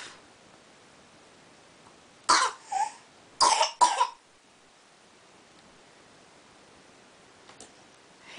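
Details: A young child (girl) gives a short series of deliberate, put-on fake coughs in a quiet room after singing; voluntary, acted cough.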